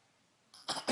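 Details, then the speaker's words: A young child playing sick gives two short, forced cough bursts. This is a voluntary, fake cough, not a real one. "it's not a real cold you're faking it"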